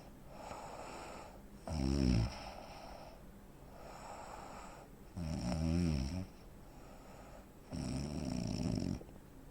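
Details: Three loud rough snores in about ten seconds with quieter breathing between, from a 43-year-old man (85 kg, 165 cm); real-life snoring with breathing pauses typical of obstructive sleep apnea.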